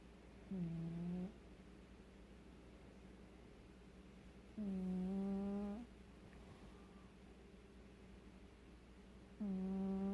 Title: Cat snore